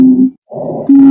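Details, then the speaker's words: Steady musical whistling on breathing out, an expiratory wheeze from narrowed airways; expiratory-only wheezing can indicate a mild airway problem, as seen in asthma, COPD, allergic reactions or anaphylaxis: expiratory wheeze. "in this video we're going to review the expiratory wheezing lung sound typically expiratory wheezing indicates some form of COPD asthma allergic reactions anaphylaxis some form of a respiratory disease that is anywhere from mild t"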